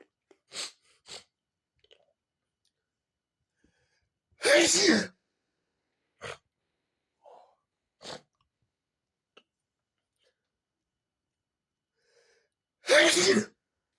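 Two loud, explosive sneezes with short sniffs and nasal bursts between them in a quiet room.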